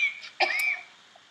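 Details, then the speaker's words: Simulated telemedicine role-play: young woman with asthma, exposed to cockroaches in an old apartment, gives an acted single cough with a thin whistling tone; wheezy cough. "I hear a wheeze in your cough. Does your cough often sound like that?"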